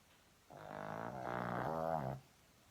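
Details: Pug snoring in sleep: a single long, rumbling snore with a buzzing, throaty quality.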